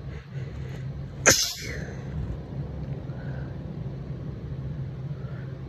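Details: Allergy sneezing in a congested woman, recorded very close to the mic: a single sharp, forceful sneeze over a steady background rumble, like a car interior.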